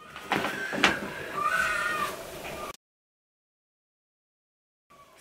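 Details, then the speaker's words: Newborn baby crying in the background while being bathed by the father: thin, wailing cries ending abruptly; ordinary infant crying. "Alors désolé si vous entendez bébé pleurer, papa est en train de le laver."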